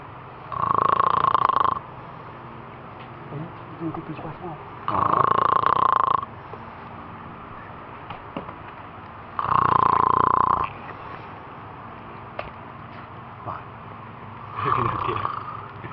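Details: Four loud, rough, buzzing snores about every 4.5 seconds (roughly 13 a minute), with quiet room noise between them; ordinary snoring.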